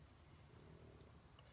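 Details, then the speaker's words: Snoring from a pug, a small dog, heard in the background: a low, fluttering rumble with faint room noise. "oh and by the way if you hear a bunch of grunting and snoring and things that sound like farts that will be my pug stella"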